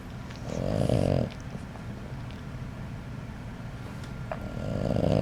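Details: Sleeping dog snoring: two loud, rough snoring breaths separated by a quieter pause.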